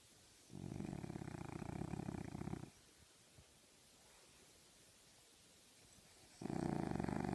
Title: Dreaming snoring French bulldog